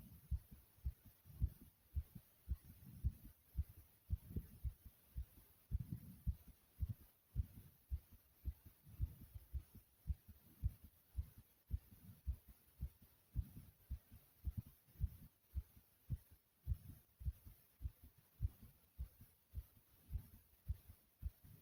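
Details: Rapid, strong, regular heart thumps at about 110 beats per minute, racing after exercise, with breathing sounds also present; a fast heartbeat after exercise.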